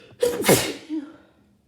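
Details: Adult with a cold: a quick in-breath, then one forceful, explosive sneeze and a short trailing exhale; sneeze.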